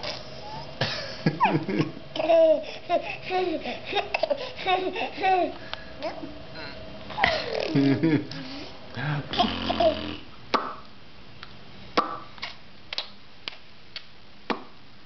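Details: Giggling and laughter with hiccups: abrupt, sharp catches, then a run of short regular hiccup clicks about every half second.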